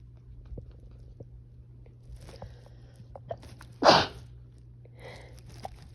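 A single forceful sneeze after quiet breathing and small mouth sounds; one sneeze of an allergic sneezing fit.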